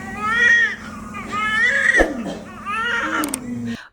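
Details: Newborn baby girl crying just after delivery following prolonged labour, first baby: loud, high-pitched crying in repeated bursts; a strong, vigorous cry.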